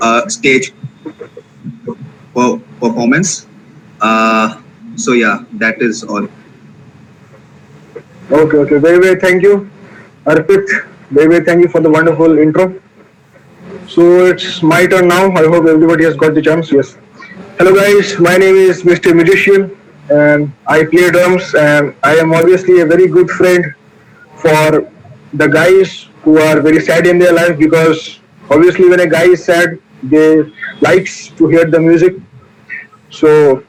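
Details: Stuttering in a male participant of an online session for people who stammer, introducing himself.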